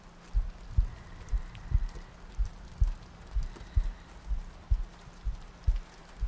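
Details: Heartbeat in an ASMR sleep-aid loop with soft breathing: soft, low thumping at about 60 beats per minute under steady rain noise.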